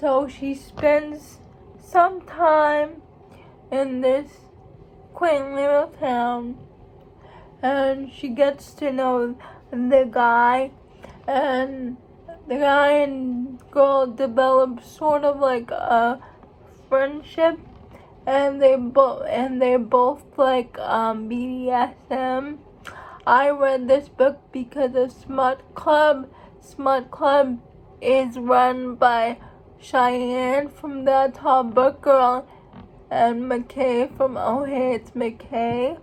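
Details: Adult woman who states she has cerebral palsy, real condition; dysarthria (cerebral palsy).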